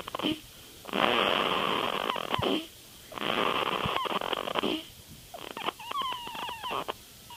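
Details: Sleeping baby girl in a quiet room: soft, raspy snoring with each breath, about 27 per minute; infant snoring.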